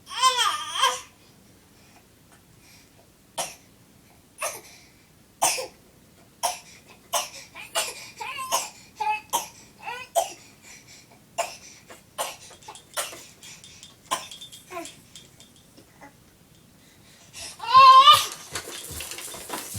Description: gets absolutely nutty in his play center while practicing his fake cough to get attention!